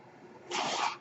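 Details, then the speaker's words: Mechanical ventilator breath cycle heard in the background as a ventilator user speaks while recording a podcast. "My name is. That noise you're hearing is my ventilator."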